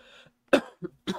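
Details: An adult recovering from an illness, still tired and voice affected, gives three short coughs: one strong burst, then two weaker ones.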